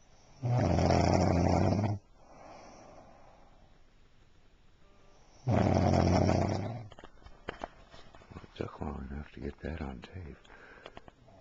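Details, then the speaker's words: Adult woman asleep and snoring: two long, loud, rumbling snores on slow breaths, followed by softer snuffling and rustling. "they don't think you snore, but you're snoring right now."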